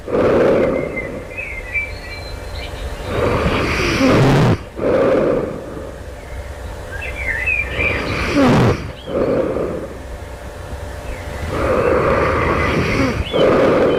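Loud, harsh rattling snores about 14 times a minute, with noisy breaths between. Heavy snoring, a common sign linked to obstructed breathing in sleep.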